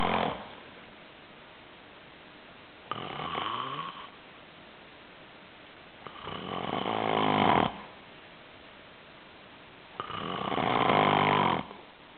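Three loud, rattling snores on the in-breath, about four seconds apart with quiet pauses between, with a steady hiss of room noise: ordinary snoring.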